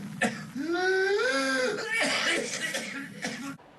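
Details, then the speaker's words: Cough recording judged to be pertussis: a sharp cough followed by a long, rising, crowing in-breath like a rooster's crow; the whoop of whooping cough. "这个咳嗽声音啊，又非常有特点。它在咳嗽结束以后呢，出现了一个吸气一样的吼的声音，有点像鸡鸣一样，所以我们称之为鸡鸣一样的咳嗽。听到这种声音的时候，指向了一个病，叫百日咳。"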